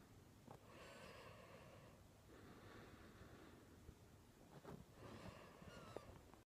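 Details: Three long, harsh, rattling breaths about two seconds apart with faint room hiss; snoring.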